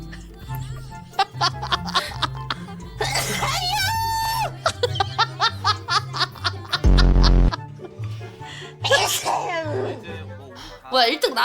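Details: A sneeze amid loud background music, edited effects and laughter.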